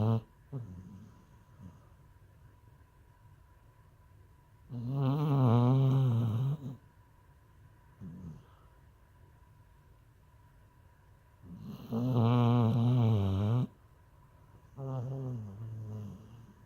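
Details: Dog snoring after being neutered: loud, rattling snores about every seven seconds, each nearly two seconds long, with quiet breathing between.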